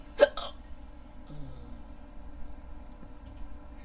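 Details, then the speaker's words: Person trying to fall asleep, hiccups on and off for about 15–20 minutes; a single sharp, abrupt hiccup with a quick catch of breath, then quiet room noise: an ordinary hiccup. "Excuse excuse me I'm really trying to fall asleep but I can't can't do to these hiccup hiccups excuse me I've had them for about I've had them off and on for about 15 20 minutes"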